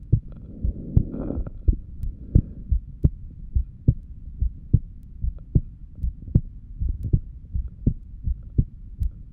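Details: Steady, regular heartbeat through a stethoscope at about 75 beats a minute while lying down, with clear lub-dub pairs; normal heart sounds.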